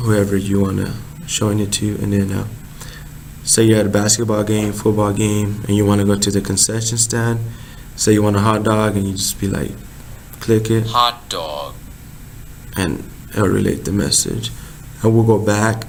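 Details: Adult man speaking; no speech disorder.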